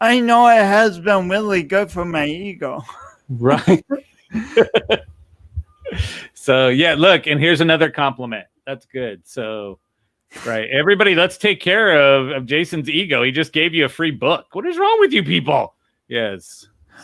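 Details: Adult speaker; no speech disorder.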